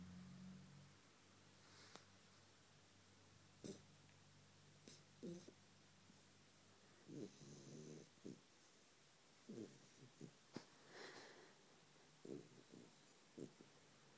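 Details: Snoring in a sleeping, dreaming puppy: soft, irregular snuffling snores and snorts over faint room noise.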